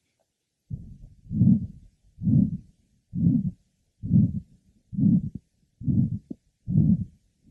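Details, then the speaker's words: Man with recurrent dizziness, slow-rising pulses and a systolic thrill: aortic stenosis; harsh, musical crescendo-decrescendo systolic murmur, about 67/min, at the lower left sternal border, louder after a premature beat. "note the musical quality of this aoic systolic merma here also following a premature beat there is an increase in intensity of the merma"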